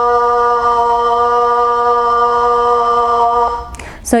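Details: 69-year-old woman diagnosed with Parkinson's disease in 2012, after 4 weeks of speech therapy, sustaining 'ah'; clear sustained vowel after voice therapy in Parkinson's disease.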